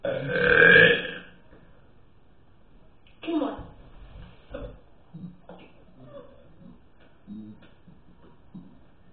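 One long, loud, resonant belch, then several smaller burps and throaty sounds, repeated burping.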